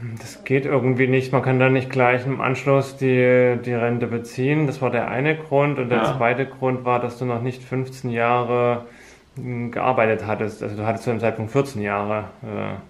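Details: Adult man speaking German; Ordinary speech.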